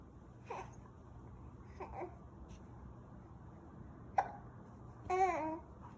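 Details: Female infant aged 2 months 27 days having hiccups while on a bouncing chair: a few brief, abrupt hiccup sounds with soft babbling and quiet room noise.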